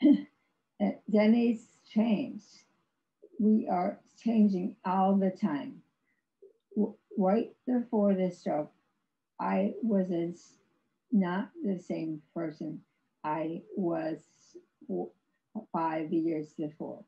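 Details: Aphasia in an adult woman after a severe stroke in 2010, about 11 years earlier; she had no speech for three years and has ongoing speech difficulty, described as severe aphasia.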